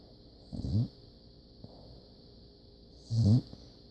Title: Puppy snores!!!!